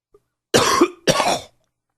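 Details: Adult with bronchitis giving two harsh, forceful coughs in quick succession; bronchitis cough.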